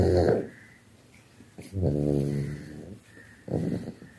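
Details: Low, rumbling, growly snores with short snorting breaths in a small room; a sleeping dog snoring.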